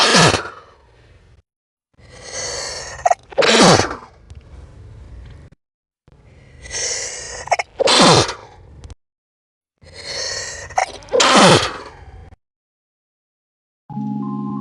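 Sneezes slowed down, each a drawn-out inward gasp then a deep stretched burst, about four in the clip.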